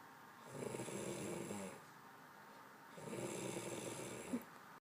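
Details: Snoring: two rattling, fluttering snores on breathing in, about 3 seconds apart, with quiet pauses between them.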